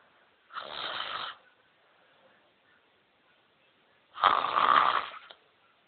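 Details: Very loud snoring during sleep: two long, harsh, rattling noisy breaths several seconds apart.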